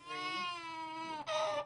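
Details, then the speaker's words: Long-awaited infant after three years of infertility struggle cries in a sustained, high-pitched wail that breaks off briefly, then resumes louder. "sound of a baby crying something Angela Crawford waited three years to hear"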